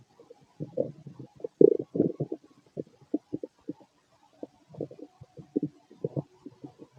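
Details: Adult male stomach growling late at night after a large meal, feeling gassy: low gurgling and bubbling rumbles in irregular bursts from gas and fluid moving through the gut; normal borborygmi.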